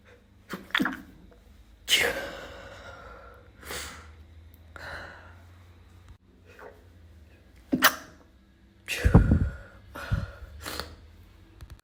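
Several short, muffled sneezes held back with a closed mouth, spaced a few seconds apart; stifled sneezing.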